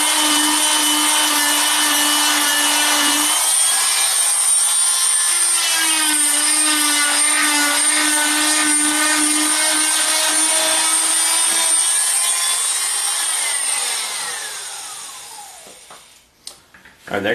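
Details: Oscillating cast saw making the second, overlapping side cut through a fiberglass foot and leg cast to bivalve it: steady high-pitched whine with grinding rasp that dies away at the end.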